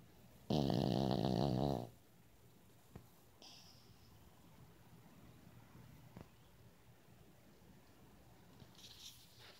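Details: 8-year-old Yorkie snoring: one loud, rattling snore on a single breath, then quiet breathing with faint room noise.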